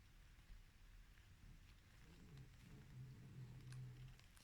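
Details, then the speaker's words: A sleeping pet dog snoring softly in a quiet room with low, rumbling, drawn-out breaths: ordinary, harmless snoring. "petit bébé ronfle mon amour je l'aime c'est quand même pas ma faute si je l'aime je sais pas si vous l'entendez faisons une minute de silence pour entendre Jo ronfler"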